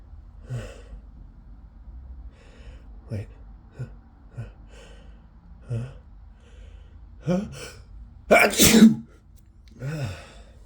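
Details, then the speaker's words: Person sick with a cold having a desperate sneezing fit all day, nose still itching: quick gasping breaths, small stifled sneezes, then a forceful wet sneeze and a nose blow. "I can't I can't stop sneezing so wet yeah oh my God I'm just so sick I've been sneezing all day"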